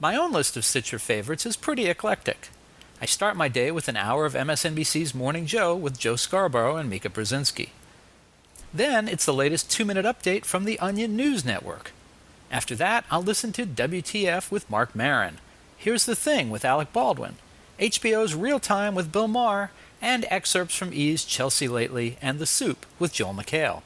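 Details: Adult man speaking; typical speech.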